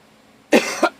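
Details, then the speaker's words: Hoarse adult who has been under the weather lately: a single cough, a sharp burst with a brief second push, in a quiet room. "guys if i sound a little hoarse i have been under the weather lately"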